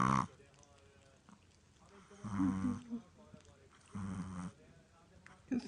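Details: Very sleepy Chihuahua snoring.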